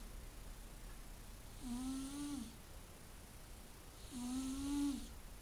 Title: Snoring Coco.